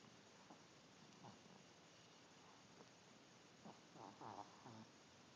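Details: Overweight Chihuahua snoring: soft, low snoring snorts, faint at first and louder toward the end, over steady room hiss.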